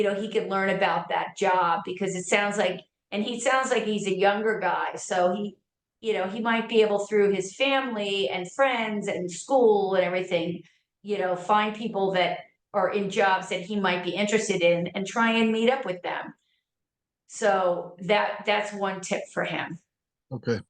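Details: Adult speaker; normal speech.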